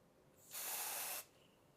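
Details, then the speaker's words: A single steady hiss of aerosol spray lasting under a second: Quick Stop haemostatic spray, shaken and sprayed from 15 cm onto a bleeding wound or cut, such as a plantar wart bleeding during foot care, to stop bleeding. "shake the bottle and spray onto the wound or cut from a 15 cm"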